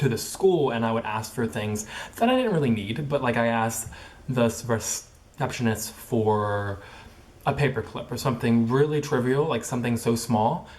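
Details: Young adult woman, college junior, who stutters; about 10 years of speech therapy from second to twelfth grade, none now; says her stutter has stayed about the same since onset; stuttering.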